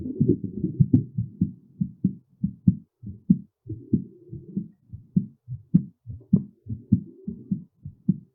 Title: heartbeat sounds during and after physical pressure